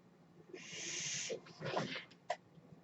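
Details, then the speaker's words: Steady, loud airy hiss under a second, then softer puffs and a click over quiet room noise: one breath cycle from the podcaster's own home mechanical ventilator during a real recording. "My name is. That noise you hear is my ventilator."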